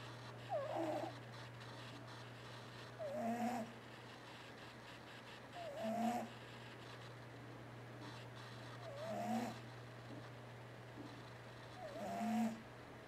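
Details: Sleeping cat snoring loudly: regular squeaky, whistling snores about every three seconds, roughly 20 a minute, over a steady background hum.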